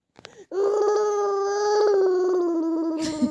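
A single sustained, tonal cry lasting about two and a half seconds, steady in pitch, then a short breath; an infant crying.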